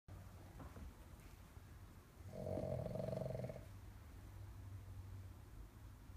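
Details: Snoring: soft, low rumbling breathing with one louder, buzzy snore in the middle.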